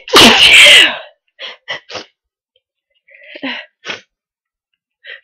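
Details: Powerful sneeze: one loud, explosive sneeze followed by a few quiet puffing breaths.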